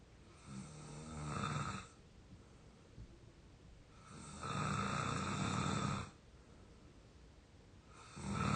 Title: real exhausted snoring 22 year old audio 3